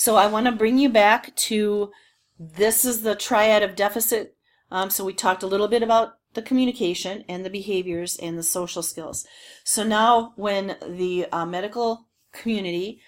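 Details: Adult woman speaking; normal speech.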